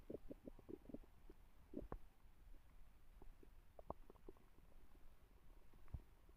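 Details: Stomach growling (borborygmi): quiet, low gurgles and bubbling pops come in irregular bursts.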